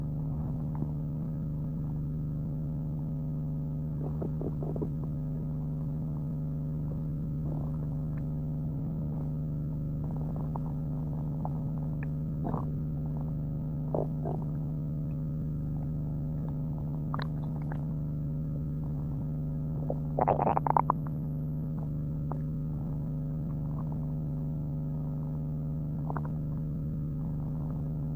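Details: Muscular man's stomach growling: low steady rumbling with scattered gurgles and one louder bubbling burst; borborygmi.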